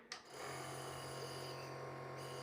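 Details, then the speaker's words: A click as the button is pressed, then a steady loud motor hum with hissing, high-pressure airflow from a compressor nebulizer that is switched on and running normally. "इस machine को तो यहां पर आप लोग देखोगे कि यह एयर को कंप्रेस करता है और यहां से प्रेशर के साथ आपको शायद आवाज भी सुनाई दे रही होगी काफी ज्यादा प्रेशर के साथ हवा निकलती है"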